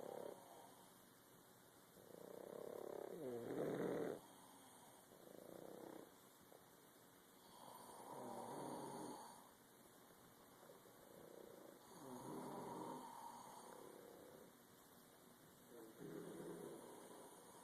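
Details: Exhausted son sleeping alongside two Boston terriers: steady rumbling snores, five or six breath cycles at about 20 a minute, a soft whistle on some breaths; snoring.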